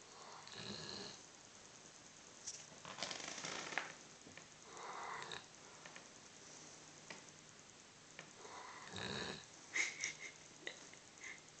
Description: My poor dog is always snoring so loud.